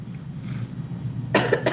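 After a low background hum, an adult gives two short, harsh coughs in quick succession; the second is cut off at the end.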